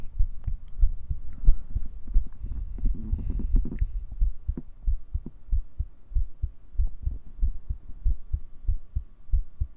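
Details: Simulated ASMR cuddle roleplay. A heartbeat recorded with a 3Dio binaural mic, listener lying on the chest: soft, low, regular thumps at about 90 a minute under rustling.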